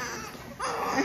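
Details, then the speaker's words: Newborn baby girl's first cries right after an induced delivery: a brief, rising cry after a short, quieter breathy start. "what did i say about you i know you're trying to cry i know there you go"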